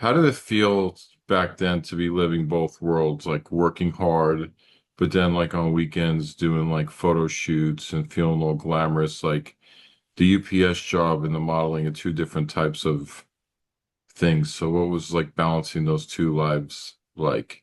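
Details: Adult speaker, low-pitched voice; normal speech.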